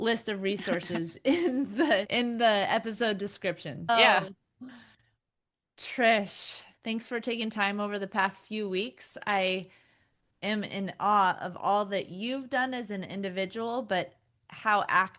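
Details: Adult woman; typical speech.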